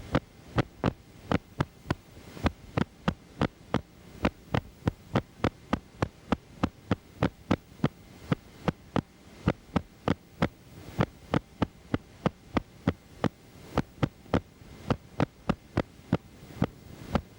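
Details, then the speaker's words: Needle EMG myokymic potentials, recorded in a teaching EMG laboratory. Myokymia is most often seen in Isaac's syndrome, demyelinating neuropathy, radiation plexopathy and timber rattlesnake envenomation. "Myiomia is most frequently seen in Isaac's syndrome, demiolinating neuropathy, radiation plexopathy and timber rattlesnake in venomation. Watch and listen to my chemic potentials."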